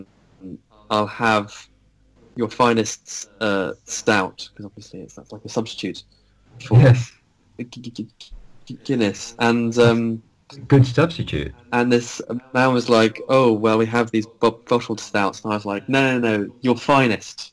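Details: Adult who stammers, speaking on a podcast of people who stammer, telling a pub anecdote. Finding: stuttering.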